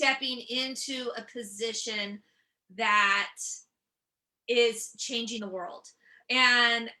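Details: Stuttering in an adult woman who stutters, a comedian and author.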